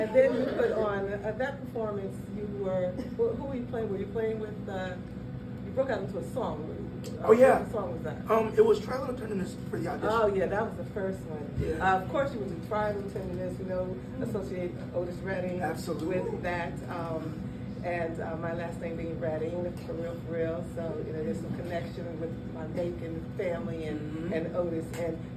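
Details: Adult man talking with an interviewer; ordinary conversational speech.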